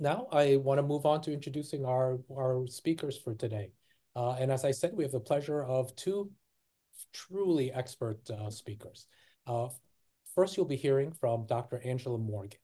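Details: Adult male speaker; Typical adult speech.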